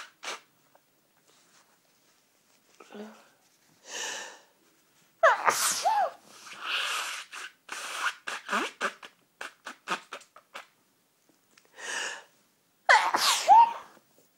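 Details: Person blowing nose and sneezing: short bursts of nose blowing and sniffing with two sharp, voiced sneezes in a quiet room.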